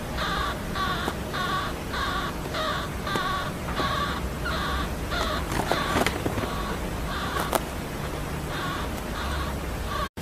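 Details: A baby pet hamster asleep on someone's hand; the owners were unsure whether he was snoring or dreaming. Snoring.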